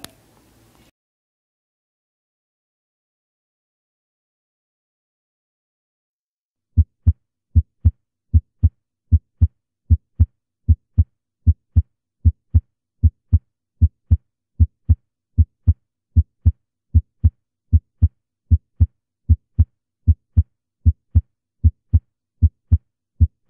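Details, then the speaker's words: Teaching recording, one-minute sequence: regular, clean lub-dub heart sounds at about 77 beats a minute, normal first and second heart sounds. "En primera instancia lo que vamos a escuchar es la secuencia de 1 minuto de un primer ruido y un segundo ruido cardíacos de características normales."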